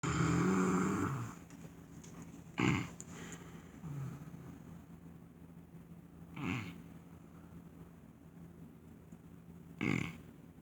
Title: My husband snores so loud part 6 lol